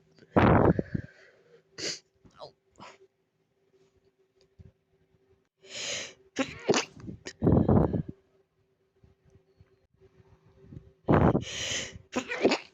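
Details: Sneezing attributed to allergies: many breathy, catching inhalations building up, followed by several forceful explosive sneezes with pauses between; repeated sneezing.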